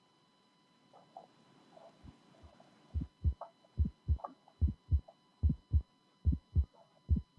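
Regular paired heart sounds at about 72 beats a minute, with a sharp early click just after the first sound: an aortic ejection click from a bicuspid aortic valve.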